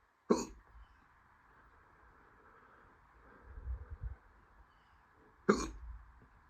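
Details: Hiccups induced by swallowing air after feeling them coming all day: two sharp, abrupt hiccup sounds about five seconds apart over faint room noise; hiccups.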